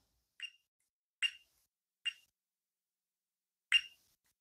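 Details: Four short, irregularly spaced, high-pitched electronic chirps from a new fingertip pulse oximeter being switched on during unboxing, in a quiet room; the device sounded but its display showed nothing, possibly faulty: pulse oximeter beep.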